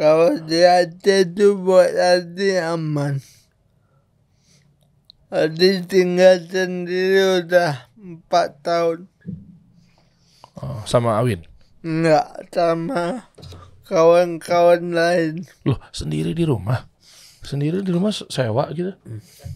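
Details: Adult man born in 1987 with severe cerebral palsy from birth, attributed to a birth injury during a breech delivery; he could not walk until age 9; speech possible but unclear; dysarthria.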